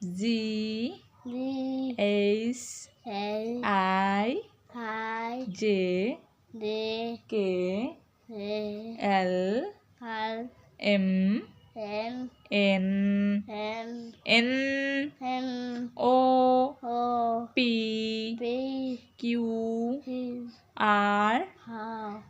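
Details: Young boy with a cochlear implant repeating after his mother during speech-therapy practice; speech of a child with a cochlear implant.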